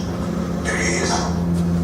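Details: Patient counting aloud with breathy voice from unilateral vocal fold paralysis after nerve section or brain damage on that side, with the fold atrophied, thin, bowed and possibly staying open.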